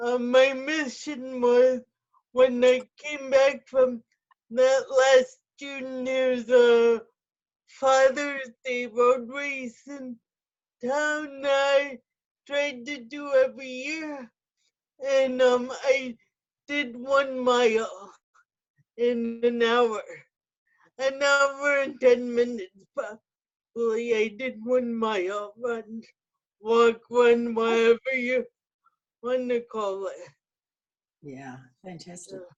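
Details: Adult with cerebral palsy described as quadriplegia with spasticity, speaking; dysarthria (cerebral palsy).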